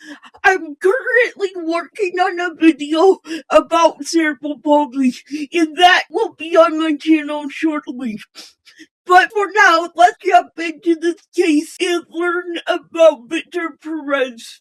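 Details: Female host with a self-stated speech impairment; speech impairment.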